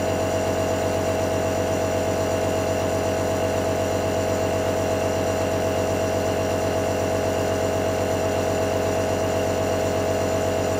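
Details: ASMR recording of a nebulizer running: steady, buzzing compressor motor hum with a fast regular pulse and no breaks.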